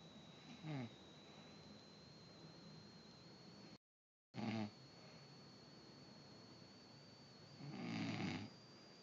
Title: Mom Snoring Part 2